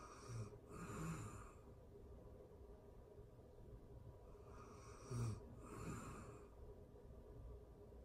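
Soft, low snores, two breaths in eight seconds over steady room hiss: quiet, ordinary snoring during sleep.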